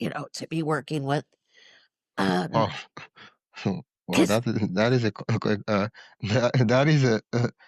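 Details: Adult male speaker; ordinary speech.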